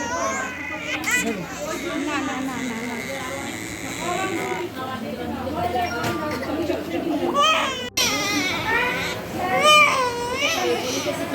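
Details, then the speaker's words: Girl of about three months getting vaccine injections in both legs after one in the arm: loud, rising, wailing pain cries in repeated bursts, adult voices nearby. "কিন্তু পায়ে যে দুটো এখন দেবে সেই দুটো বেশি পেইনফুল যেটাতে সোনা খুবই কষ্ট"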